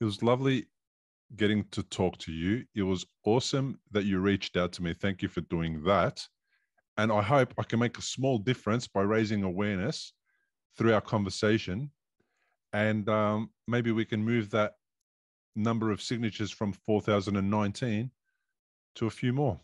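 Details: Adult male speaker; normal speech.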